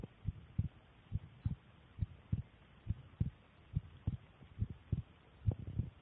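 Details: Own resting heartbeat recorded with a phone as the recording device: steady paired lub-dub heart sounds at about 69 beats a minute; normal resting heartbeat.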